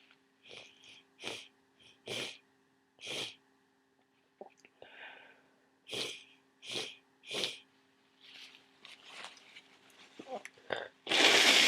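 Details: Nose blowing and sneezing near the end of a cold with lots of thick congestion: repeated short hissy nasal bursts with sniffs and a loud closing blast, not wheezing.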